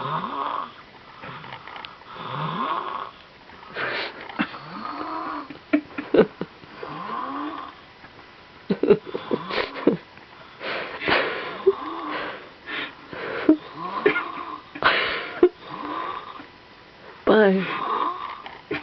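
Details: Sleeping baby boy snoring: soft, squeaky snoring breaths with occasional snuffles and clicks, repeating through sleep.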